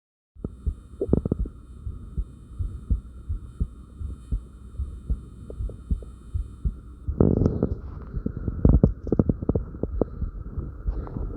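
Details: Own heartbeat recorded after light crunches: quick, regular thumping heartbeat with a steady hum behind it, then louder breathing and movement noise; fast heart rate after light exercise.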